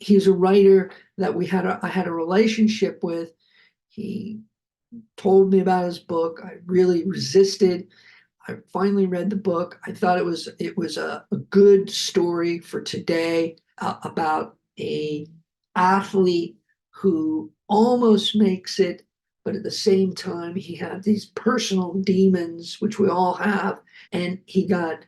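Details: Adult man who survived a heart attack and has aphasia, speaking just after noting his aphasia was kicking in; aphasia.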